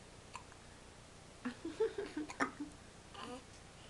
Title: My two-week-old daughter gets the hiccups...